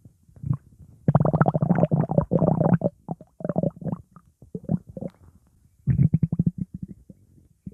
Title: 30 Minute Stomach Growling Sound Effect / Sound Of Stomach Gurgle / Upset Stomach Rumbling Sound